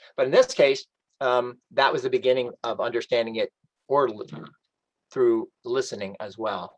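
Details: Adult man with post-stroke aphasia, reading aloud from a book in a self-made recording during a two-year recovery; some stock phrases come out intact, while other words cannot be retrieved or pronounced; aphasia.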